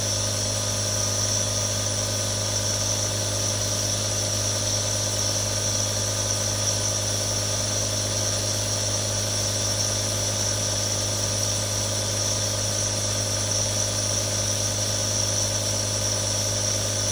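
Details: Real nebulizer, one of three recorded: steady, continuous motor hum with an airy hiss, running without pause.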